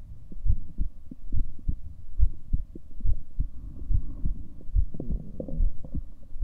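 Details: Regular low thumping heartbeats at about 70 a minute with a steady low hum underneath; an ordinary self-recorded heartbeat.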